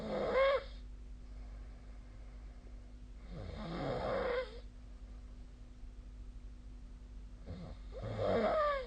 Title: 🐽 本日のイビキ / Snoring Sleep Sound 2025/02/25